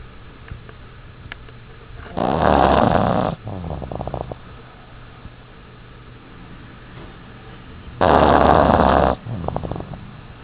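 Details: Loud snoring during a nap: two loud rumbling snores about six seconds apart, each followed by a fluttering exhale; roughly 10 breaths a minute.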